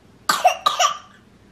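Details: Two quick, dry coughs, each a brief burst with a short gap between, in a quiet room, from an infant twin sick with a cold; cough.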